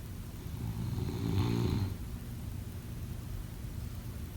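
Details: Snoring during sleep: a single low, rattling snore lasting about a second over steady room hum.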